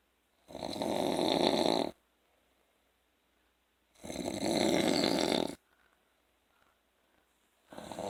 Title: [Deleted Snoring Vids No.4] Snoring after work